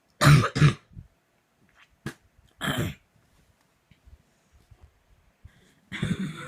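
Several harsh coughs in quick succession, then quiet breathing and another cough burst, part of a prolonged coughing fit.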